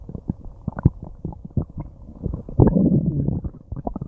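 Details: Frequent low gurgles, rumbles and drawn-out groans from a person's belly, ongoing for a long time after eating something unknown; active bowel sounds (borborygmi) of digestion.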